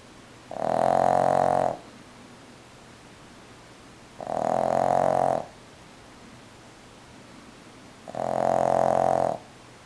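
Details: Loud, rhythmic, buzzing snoring: three snores in about ten seconds, each lasting over a second, with a steady background hiss.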